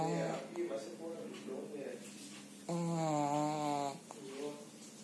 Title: my pug snore 😀😀